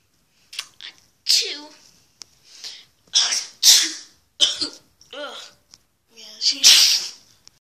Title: All sneezes:vine 6